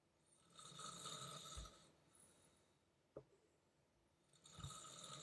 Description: My parents are snoring VERY LOUD!!!